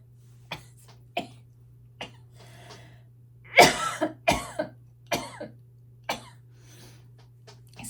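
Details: About eight short dry coughs and throat clears, some in quick clusters, in an adult with asthma and a life-threatening chronic illness, who says their throat feels weird.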